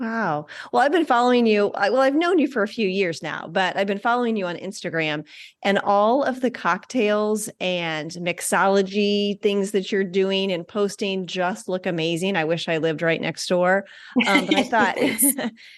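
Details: Adult woman speaking; Normal speech.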